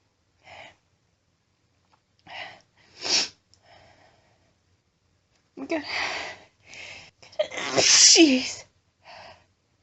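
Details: Woman announcing her sneezes: brief quiet sounds and inhalations building to a strong, very powerful explosive sneeze, followed by a short exhalation.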